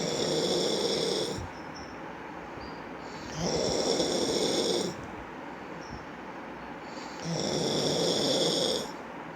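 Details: Steady, rhythmic sleep snoring on each in-breath with a whistling edge, about 16 breaths a minute; ordinary snoring.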